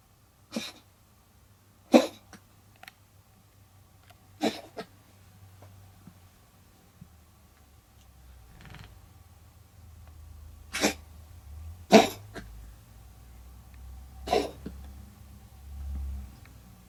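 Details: Cat coughing: a series of short, sharp hacking coughs typical of bringing up a hairball.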